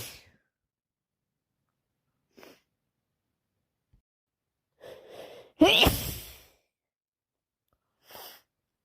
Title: Awful cold constantly sneezing and blowing my nose #badcold